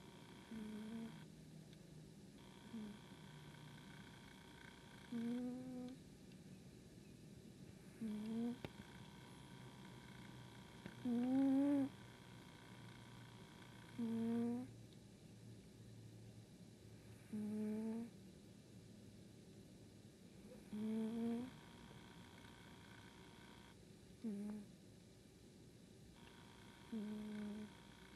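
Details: Pet sleeping blissfully in an apartment snores softly: regular whistling snores, about 20 a minute, in a quiet room.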